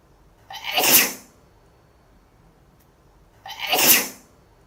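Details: Female sneezing sound effect.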